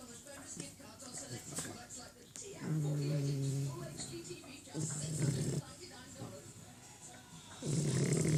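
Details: Shar pei puppy snoring while asleep and being pestered: soft, low, buzzing snores on inward breaths, over background noise and a television.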